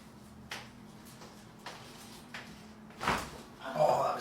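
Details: Chiropractic spinal adjustment: several brief, sharp pops followed by a louder crack, described as a pressure change. Joint cavitation (joint cracking).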